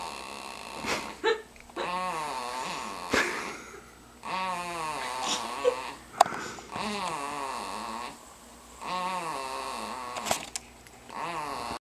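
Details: Repeated whistling, squeaky snoring sounds every few seconds during sleep, rising and falling in pitch with some clicks; noisy snoring.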